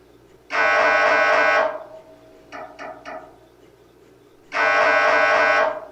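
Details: MRI scanner sample sound for patient preparation: loud sustained buzzing tones about a second long with short knocking bursts between; typical imaging noise.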